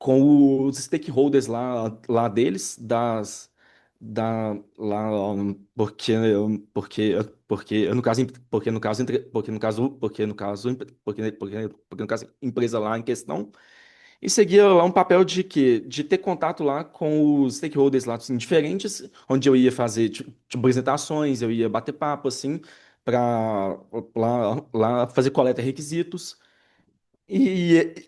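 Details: Adult Brazilian Portuguese-speaking man who stutters, in a real interview: stuttering.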